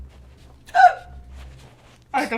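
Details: Two sharp, loud, voiced hiccups about 1.4 seconds apart, each a sudden gulping catch of breath, during a livestream.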